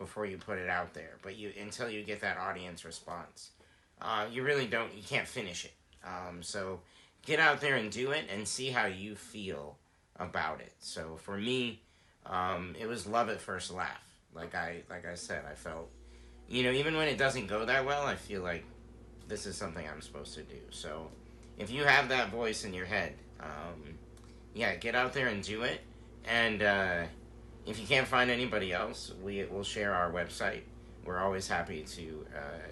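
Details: Adult man speaking; normal conversational speech.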